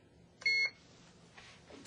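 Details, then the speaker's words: Mini infusion (syringe) pump delivering IV antibiotics, programmed to infuse over half an hour; a single short, high electronic beep confirms the infusion has started, in a quiet room. "with that done I programed the pump to the correct rate in this case over half an hour and Press"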